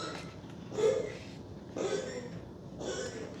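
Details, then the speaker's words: Pet cat gives three harsh, rasping hacks about a second apart, a coughing or hacking bout. The owner jokes it has smoker's cough and suspects it ate grass. "Have you been smoking again? Cat. Like it. He's got smoker's cough, guys."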